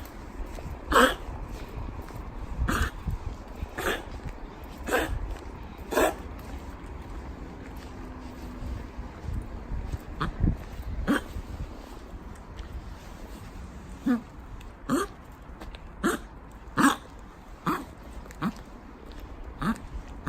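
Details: Ten-year-four-month-old Pomeranian dog gives about a dozen short harsh coughs over twenty seconds, an incessant cough after a kennel stay; intermittent since age 3, suspected tracheal restriction; owners suspect a choker collar; honking cough of suspected tracheal collapse.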